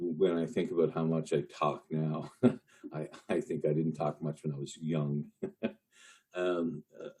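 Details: Lifelong stuttering in an adult male news reporter who has long hidden his stutter using tools and strategies, with associated panic and anxiety in stressful speaking moments.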